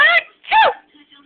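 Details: Mother's loud, exaggerated, playful sneeze, a voiced drawn-out "ah" then a sharp noisy "choo", made to amuse her laughing 4-month-old baby.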